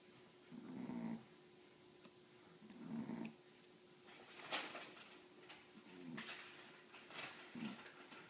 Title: My cousin's dog snores...too funny